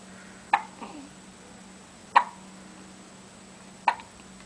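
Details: Twins with dueling hiccups while trying to sleep: three sharp, abrupt hiccups about every 1.6 seconds in a quiet room with a faint steady hum.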